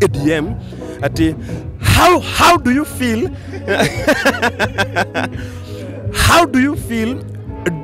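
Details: Stuttering in an adult man, a comedian, whose stammering began in class 2 at school.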